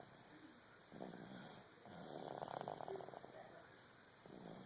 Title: snoring :)